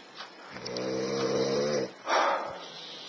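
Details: Person snoring during nightly sleep, recorded by someone who says it keeps them up: a loud rattling snore on the in-breath, then a noisy breath out, in a quiet room.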